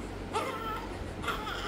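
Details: Normal, healthy newborn cry during a newborn examination at 24 hours of age: two short cries over room noise, noted as a very good sign.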